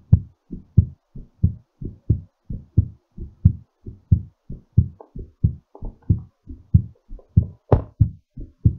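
Strong, regular paired heart sounds at about 90 beats a minute; a normal heartbeat slowing during recovery after exercise.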